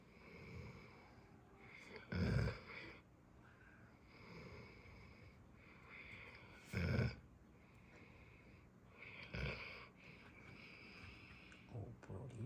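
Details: 5-month-old Great Dane puppy napping in the afternoon, with stretches: soft, low, rumbling snores about 13 a minute; the owner says the snore sounds much louder in bed at night; snoring.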